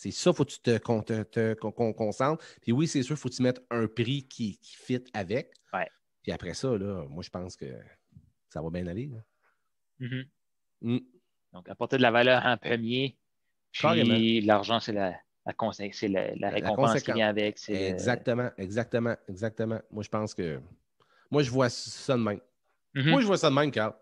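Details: Stuttering in an adult man who identifies himself as a stutterer and says he stutters quite a lot in real life, becoming more noticeable as an interview goes on; he formerly needed many takes when filming.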